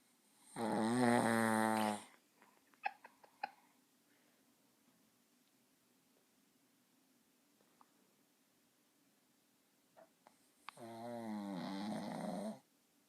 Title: Snoring puppy!!!